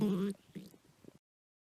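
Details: Stomach growling (borborygmi) of someone said not to have eaten in days: a brief low tonal groan followed by soft, irregular bubbling gurgles of an empty, hungry stomach.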